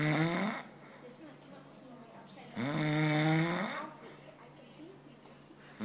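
Two loud, drawn-out, rough snores about two and a half seconds apart, with quieter breathing between; snoring during sleep.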